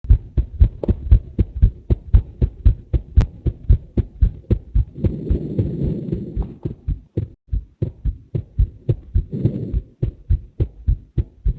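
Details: Heart sounds from one person recorded alongside a heart MRI video: steady, regular heartbeat with clear lub-dub thumps and brief bursts of rustling noise.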